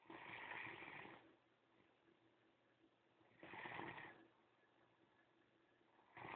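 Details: Great Dane, adopted former breeder dog, snoring while asleep: repeated noisy, harsh breaths about 19 a minute with quiet gaps between them; ordinary snoring.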